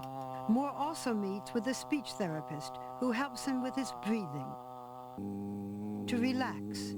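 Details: Adult male narrator; normal speech.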